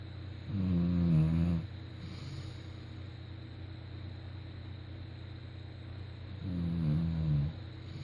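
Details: A woman snoring: two loud, low, rattling snores about six seconds apart, roughly 10 breaths a minute, over steady room hum.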